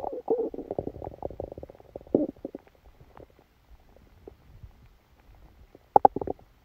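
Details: Gurgling, bubbling abdominal rumbles in irregular bursts with quieter gaps: active bowel sounds during a stomachache after Christmas dinner, recorded while the person was sleeping.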